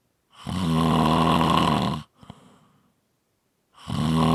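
Loud, rough, rattling snores on each breath in, separated by a quieter breath out; heavy snoring.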